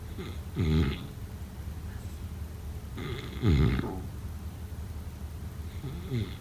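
Low, rough snoring on each breath, roughly three breaths in six seconds, with quiet gaps between and faint room noise.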